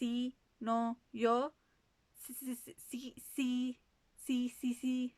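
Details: Adult female voice, imitation; Stuttering, whole-word repetition (imitated).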